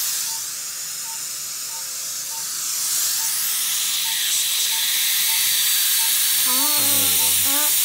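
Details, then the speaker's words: Dental handpiece polishing an MO filling on the adjacent second primary molar after a stainless steel crown prep in a child: steady high-pitched hiss and whine with soft repeating beeps and a brief voice. "I did an MO on the adjacent tooth that I'm just going to polish a little too."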